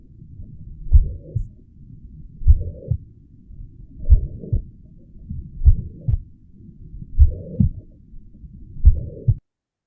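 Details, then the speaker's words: Teaching example: slow regular heartbeat with a steady blowing murmur filling the whole interval from the first to the second heart sound, a holosystolic murmur of mitral regurgitation. "Now you you have clear understanding of the holo systolic right?"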